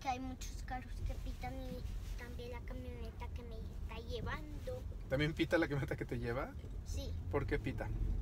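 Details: Young child speaking Spanish; speech of a child with a cochlear implant.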